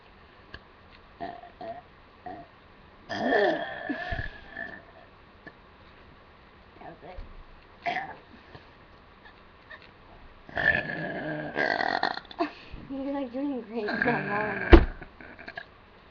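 Several low, croaking belches of varying length among quiet room noise; repeated burping.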